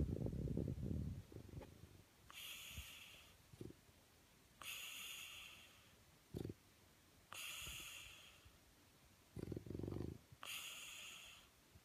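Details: French Bulldog sleeping on his back under the covers, eyes open, given nothing to sedate him: rough snorting inhaled snores alternating with whistly exhalations, about five breaths in twelve seconds; snoring in a flat-faced dog.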